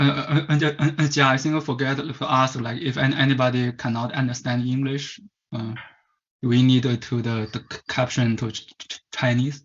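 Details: Stuttering in a Chinese male adult who stutters; as a child of about 10–11 he attended a commercial stuttering "fix" course.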